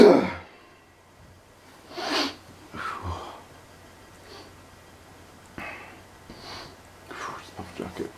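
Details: Repeated sneezing, possibly from allergies or pepper: a sharp opening sneeze, then several softer breathy bursts and sniffs.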